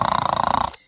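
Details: Imitated snoring: a brief, rough, fluttering buzz lasting under a second, then silence, as a grandfather voluntarily imitates how he snores when asked.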